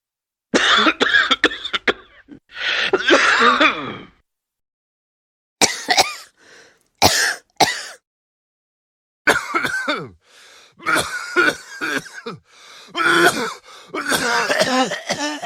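Repeated bursts of harsh coughing and throat clearing in clusters, separated by brief pauses.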